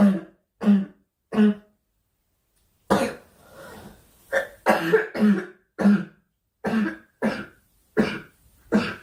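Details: A young woman coughing during a Korean livestream, saying she has a cough and wishing it would stop: about a dozen short, sharp coughs in quick succession with brief pauses.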